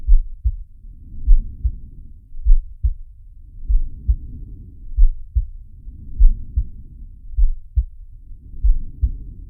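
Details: Animated cartoon sound effect of Sharky's heartbeat and breathing: regular low thumps around 50 a minute under slow, soft breath sounds rising and falling about every 2.5 seconds.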